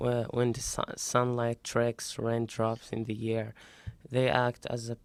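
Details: Young male with puberphonia, a functional voice disorder, recorded after a single voice therapy session; puberphonia after voice therapy (typical male pitch).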